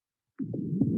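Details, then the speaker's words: Rhonchi from an EMS respiratory teaching recording: a continuous gurgling sound from secretions or obstruction in the larger airways, often associated with COPD, pneumonia or bronchitis. "rocky occur when there are secretions or obstructions in the larger airways it's often associated with copd pneumonia or bronchitis and it sounds like a continuous gurgling sound"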